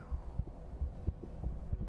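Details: Regular heartbeat recorded for heartbeat ASMR on a 3Dio Free Space Pro 2 binaural microphone: soft paired low lub-dub thumps at about 90 per minute with a faint hum behind.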